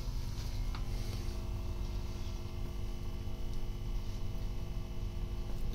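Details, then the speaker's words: Biotronix four-chamber sequential compression therapy pump (DVT/lymphedema) on one leg attachment at maximum pressure: steady low motor hum with faint whine as chambers inflate and deflate in sequence. "the chamber one is showing inflated and while the other chamber is deflated right now so you can see the chamber one is totally hard and inflated now chamber one is getting uh deflated and chamber two is getting inflated"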